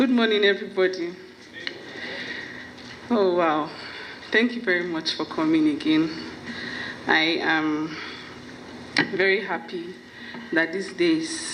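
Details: Adult woman with familial stuttering (parents and sisters also stammer), with onset at about age five or six; finding: stuttering.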